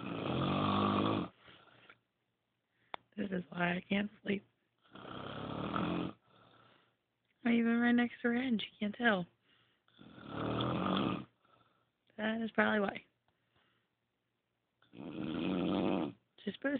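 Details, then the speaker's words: Woman snoring in a very dark room after falling asleep: loud, rattling snores in long bursts with pauses between, about five to six in the stretch. "this is dinosaurs R snoring"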